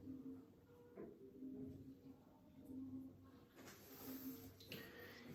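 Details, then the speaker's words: Normal bowel sounds heard by stethoscope on abdominal auscultation across the quadrants: soft, intermittent gurgles over a quiet abdomen; normal is 5 to 30 bowel sounds. "al auscultar, lo normal que debemos de encontrar son de 5 a 30 ruidos hidroaéreos."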